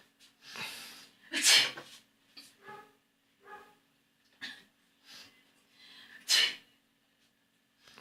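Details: One person runs through sneezing with medicine in hand while another arranges items on a shelf by a desk: a run of sharp, hissing sneezes in quick succession with short gaps.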